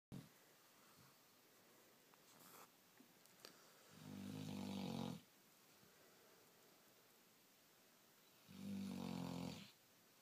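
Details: Sleeping, tired black Labrador (female) snoring: two low rattling snores about four seconds apart, each around a second long, in a quiet room.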